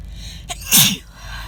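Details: Adult with a cold moving to the chest, sneezing in a car: a short catch of breath, then one loud, harsh, explosive sneeze that hurts the throat, with low rumbling background noise.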